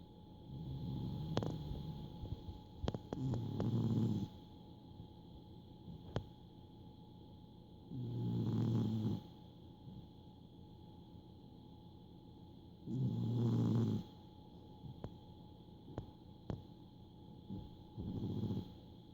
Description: Rescue cat Chance snores so loudly!